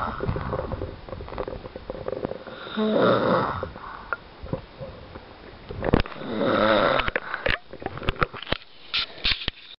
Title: my dad snoring!!!